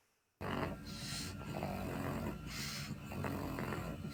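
Loud, continuous low snoring and snorting breath noise from a pug, with nasal and soft palate vibration: stertor of brachycephalic obstructive airway syndrome.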